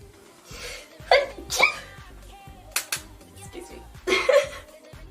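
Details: Girl sneezing in the middle of a makeup tutorial, with allergies and sinuses tagged: several short, sharp sneezes in quick succession, with faint music in the background.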